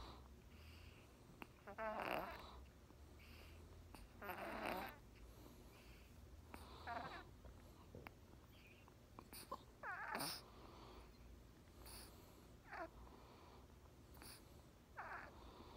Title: Trippy Snores